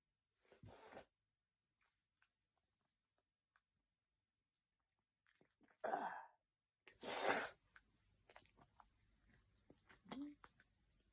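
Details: Three separate sneezes, the last the loudest, with quiet breathing between; sudden hay fever sneezing.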